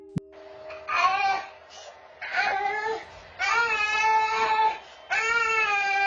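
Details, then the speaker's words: Boy at night on a home security camera, suddenly woken from sleep, crying hard and climbing the crib rail: repeated loud, wailing cries in a quiet room. "Chi tiết đáng xem nhất là cậu bé đang ngủ rồi đọt nhiên bị đánh thức, kêu khóc dữ dội, từ từ trèo lên chiếc cũi che chắn giường."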